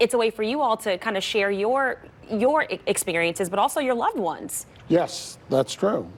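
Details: Adult woman speaking, with a brief reply that may come from a second speaker; ordinary speech.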